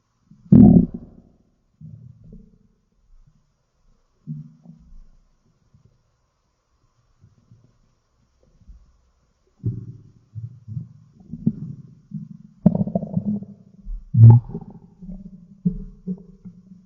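Irregular low gurgles and rumbling bursts over a quiet background; stomach growling, ordinary bowel sounds.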